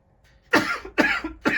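Three sharp, forceful coughs in quick succession from an adult, part of a brief coughing fit.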